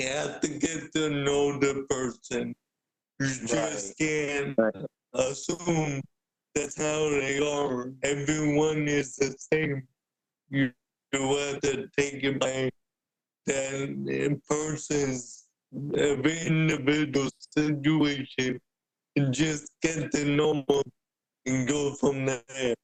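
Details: Adult man with cerebral palsy present since birth, a wheelchair user with physical limitations; speaking is noted as hard for him. Dysarthria (cerebral palsy).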